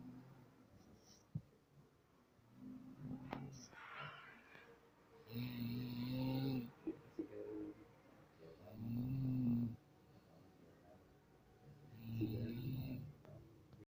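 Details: Repeated rough snoring sounds with each breath, about 19 a minute, from a sleeping animal named Koki; snoring.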